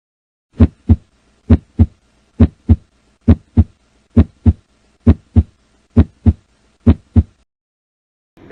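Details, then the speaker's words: Normal S1 and S2 heard by stethoscope at the tricuspid area, lower sternum: steady paired lub-dub sounds at about 67 beats per minute during a cardiac auscultation demonstration. "el cual vamos a escuchar a sí mismo los ruidos de la válvula tricúspide"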